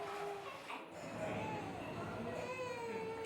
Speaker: Here, we compare a normal sleeping baby. When we try to wake him, even just by clapping, he reacts normally by fussing and crying. And then he stays awake.